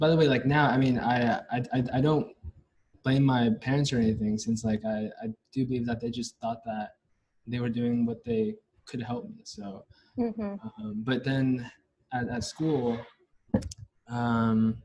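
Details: Stuttering in a young adult male university senior, onset at about age five or six, with blocks; his biological father and maternal grandfather also stutter.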